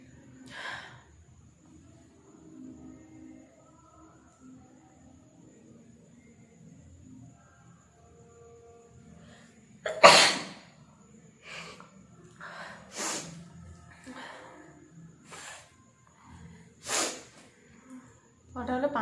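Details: Several sharp, explosive sneezes in a row, the first loudest, deliberately provoked with a matchstick during a sneezing and nose-blowing challenge, with soft talk in a quiet room.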